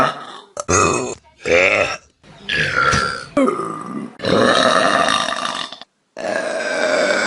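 A series of loud, drawn-out, gurgling belches, several in a row with brief gaps; burping.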